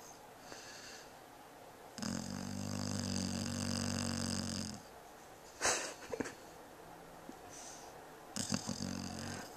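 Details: Peach, asleep: a long, loud, rumbling snore lasting several seconds, then short snorts and smacking sounds; heavy snoring during sleep.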